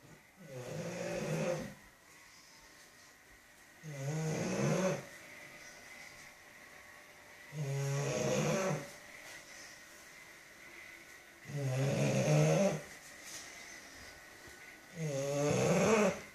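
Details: Bulldog sleeping deeply: loud, rhythmic rattling snores on each breath in, about 17 a minute, with quieter breathing between; snoring.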